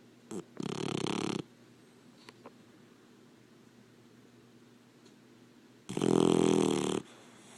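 Two loud, rattling snores several seconds apart from a sleeping puppy, with quiet breathing between them.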